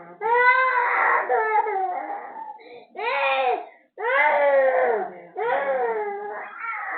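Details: Loud, sustained wailing cries in repeated bursts with brief catches of breath between, from a cranky, sick infant with cough, cold, mouth ulcers, teething and fever; infant crying.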